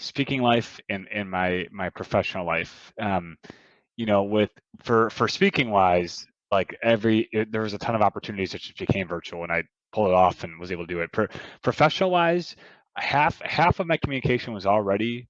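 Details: Adult man, a professional speaker, who has stuttered his whole life, first noticed around second or third grade, worse when nervous or on the phone, speaking as a podcast guest; stuttering.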